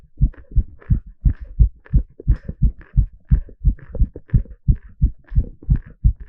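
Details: Heart sounds recorded live during an ECG exercise stress test; normal heart sounds.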